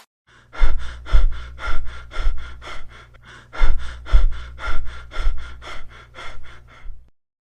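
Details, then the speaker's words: Demonstration of Biot respiration, described as deep inspirations that are sporadic with no pattern: loud, gasping breaths in irregular clusters with brief pauses between. "e a respiração de vio é determinada por uma constante e regularidade com inspirações Profundas e esporádicas ela não possui um padrão"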